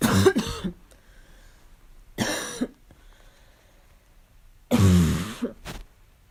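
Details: Barking cough during a fall cold.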